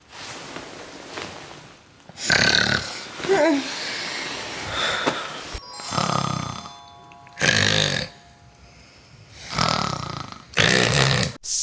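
Loud, rough, rattling snores recurring every few seconds over background music; ordinary snoring from vibrating tissues in the throat during sleep.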